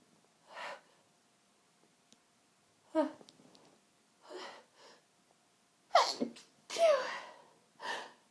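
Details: Sneezing fit: a run of about five sharp sneezes a few seconds apart, some preceded by a sharp intake of breath.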